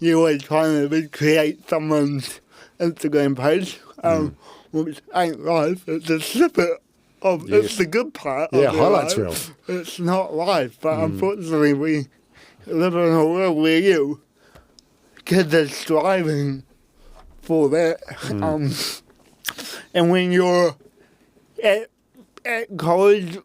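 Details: Adult man with cerebral palsy since birth; at birth his parents were told he would never walk or talk, and he had intensive therapy from birth to age six for walking and talking; used a walking frame at school; dysarthria (cerebral palsy).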